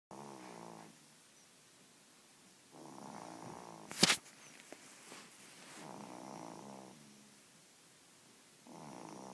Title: Snore baby